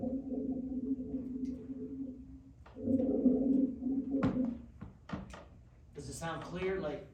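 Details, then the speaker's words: Rhonchi in COPD teaching: low-pitched, continuous snoring-like wheezes over breaths as air bubbles through thick mucus, a thicker bubbling than the clearer crackles of rales. "so that air is going through that thick mucus so it's a little bit more kind of thicker type of bubbling versus a more clearer type of bubbling all right"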